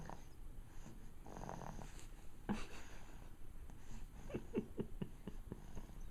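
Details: Snoring from a sleeping pet: low rattling breath sounds, with a burst of short fluttering pulses near the end.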